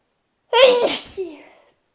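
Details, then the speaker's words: One sharp, voiced sneeze with a high 'choo' burst and a brief fading vocal sound after it, one of about four sneezes in the roughly two hours since waking in the morning. "Hi, I've been up for like 2-ish hours and I've sneezed like 4 times."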